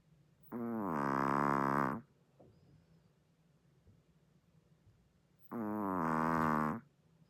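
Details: Two loud, drawn-out honking snores about five seconds apart with near silence between, from a sleeping chihuahua that also sleeps with eyes open; very loud snoring in a small dog.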